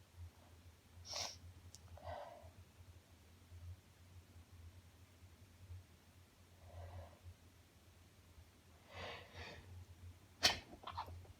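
A few quiet sneezes and sniffs over a low steady hum; sneezing with sniffling afterward.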